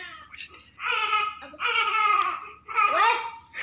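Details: Young child crying after coughing while playing: three loud wailing bursts with gasping breaths between them.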